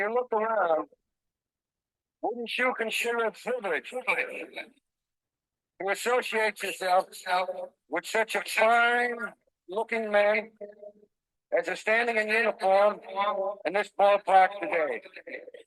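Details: Dysarthria in an adult man with ALS (amyotrophic lateral sclerosis), diagnosed February 2024 after earlier diagnoses of Parkinsonism, Parkinson's disease, spastic paraplegia and primary lateral sclerosis; he reports his ability to walk and speak is failing.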